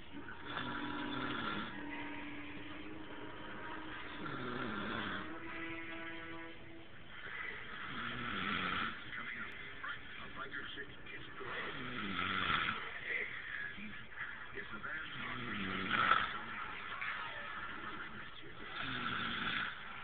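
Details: Man asleep after a roping competition, snoring: slow, rough, rattling snores about 17 a minute, each a long buzzing breath with quieter gaps; loud snoring.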